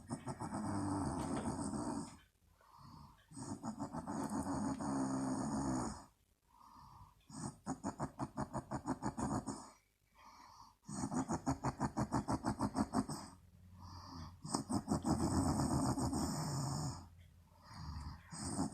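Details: Adult woman (mum) asleep: loud, harsh, fluttering snores on each breath, with shorter quieter sounds between them; heavy snoring.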